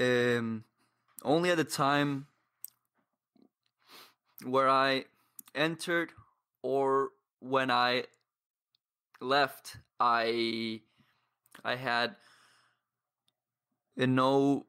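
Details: 22-year-old man who has stuttered for as long as he can remember, reporting blocks and difficulty speaking; surrounding speech contains pauses and blocks; stuttering.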